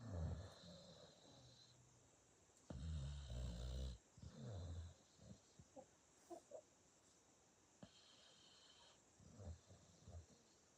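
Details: Sleeping dog snoring: low, rumbling snores in irregular bursts, some louder and longer, with quiet snuffling between them.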